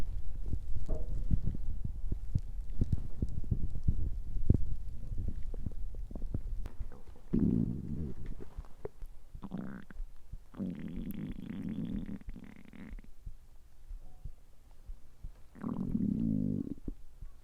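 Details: Low gurgling growls in several bursts, some drawn out, over background crackle; ordinary stomach growling from bowel activity.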